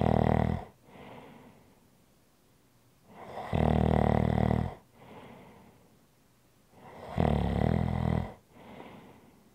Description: ASMR Relaxing Snoring Sounds